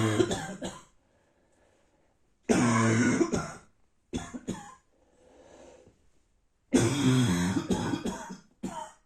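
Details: Adult with a bad cold and pain inside, recorded in the morning: repeated harsh, dry, barking cough bouts with quiet breathing between them.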